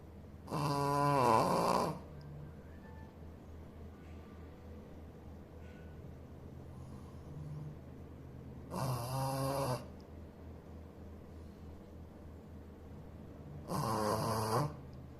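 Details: A sleeping Shih Tzu dog snoring: three loud rasping snores about every six seconds, about 10 breaths a minute, over a steady low room hum.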